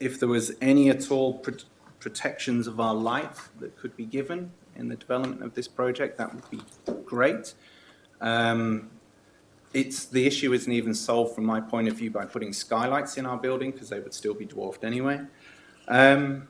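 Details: Adult male speaker; Normal voice.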